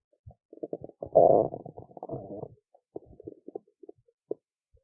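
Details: Adult woman's stomach after skipping lunch: gurgling, bubbling belly rumbles with a longer growl among short pops, ordinary hunger rumbling (borborygmi).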